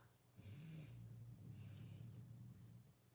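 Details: Loud background snoring, described as sounding like a saw; snoring.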